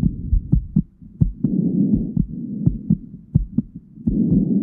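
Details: Heartbeat and breathing heard through a stethoscope: muffled, regular lub-dub heartbeats at about 110 a minute, with soft breath sounds rising and falling underneath.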